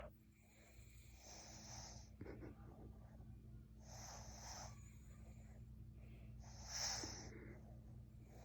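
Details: Three slow, hissy breaths a few seconds apart with a faint rattle over low room hum; soft snoring.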